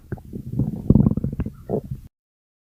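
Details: Stomach growling (borborygmi): a loud, low rumbling gurgle lasting about two seconds and ending in a bubbling squeak, ordinary gut sounds.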